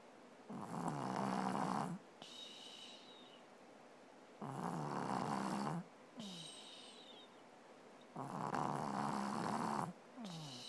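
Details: Female sleeper snoring heavily in the morning: loud, rough, buzzing snores on each in-breath with quieter breathing between, about three cycles in ten seconds; snoring.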